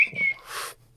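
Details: Adult man diagnosed with Tourette's in his mid-twenties; whistle vocal tic heard mid-sentence while speaking; vocal tic (whistle).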